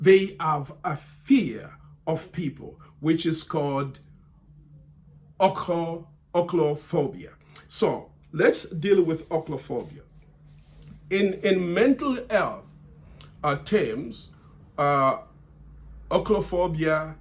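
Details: Adult man who has stammered since childhood and still stammers under stress, stammering here because he feels under pressure; word repetitions; stuttering.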